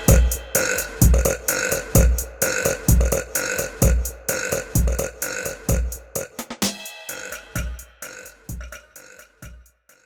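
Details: A rapid series of loud burps over background music, from a burping compilation; repeated belching.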